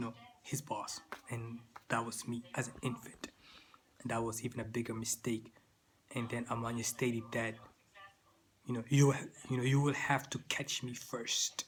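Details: Stuttering in an adult man, who says it began in childhood in Sudan and persists, with part-word and whole-word repetitions.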